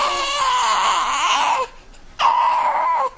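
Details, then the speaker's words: Two loud, shrill, high-pitched wails from a baby with a short breath between; an intense cry that sounds like a pain cry, which many babies give no matter what the problem is. "Many babies are like smoke alarms. They make one big shrieky sound no matter what the problem is."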